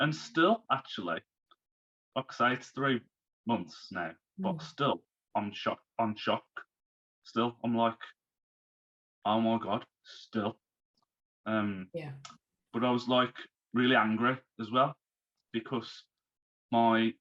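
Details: Man who had a stroke at age 33, about three months earlier, still recovering and overcoming speech difficulties; post-stroke aphasia.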